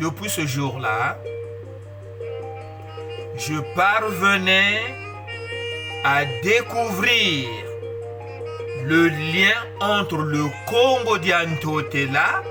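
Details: Adult male who describes his stuttering as a disability that worsens with emotion, reading a prepared written text in French to communicate better; stuttering.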